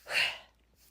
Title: Sneeze attack #sneeze #sneezeactions #lifewithashley #funny #lifewithscroggie #motherdaughter